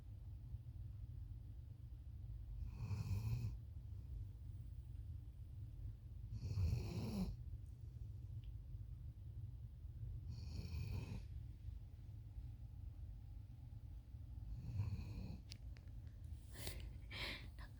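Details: Dog named Sandy snoring: soft, rough snoring breaths about every four seconds, roughly 15 a minute, over a low steady room hum.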